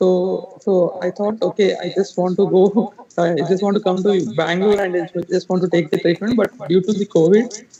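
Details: Puberphonia in a 33-year-old man, recorded before treatment; he has had a high-pitched voice for about 15 years, and consultations with several ENT doctors did not resolve it.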